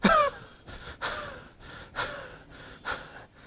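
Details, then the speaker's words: A clinician imitates four short, dry, slightly tight coughs, showing a cough that always comes before asthma, as described for the homeopathic remedy Cassia. "And in cassia, one of the very interesting thing is the cough always precedes the asthma."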